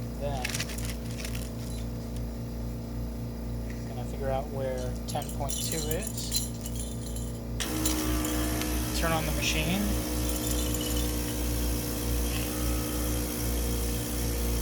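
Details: Tracheostomy suctioning of an infant girl after feeding, sterile glove, catheter to 10.2 cm depth with trach guard, home suction machine: steady motor hum, airy hissing, brief squeaky infant sounds.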